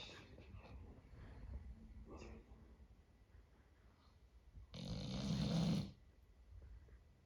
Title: My Luna Doberman Snoring 🥰